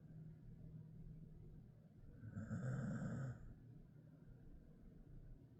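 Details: Ten-year-old male Jindo mix dog, Ddaya, asleep and snoring: one loud, rough snore-like breath against a steady low room hum.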